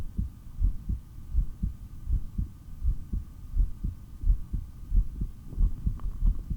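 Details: Steady low thumping heartbeat through a stethoscope, about 88 beats a minute, with a faint background hum, recorded during extended breath-holding and very slow breathing (15 breaths in 17.5 minutes); normal heart sounds.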